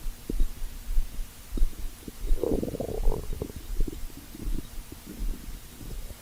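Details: Stomach growling (borborygmi): low gurgling rumbles and bubbling pops from the belly, rising into a longer growl midway; normal bowel sounds.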